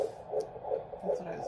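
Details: Rapid, regular whooshing fetal heartbeat at 11 weeks of pregnancy, about 160–170 beats per minute with good variability; normal fetal heartbeat heard for the first time.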